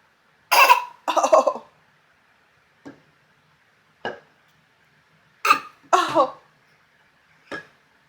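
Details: Several short coughs, some in quick pairs and others small and dry, from a young girl in a quiet room who blew kisses.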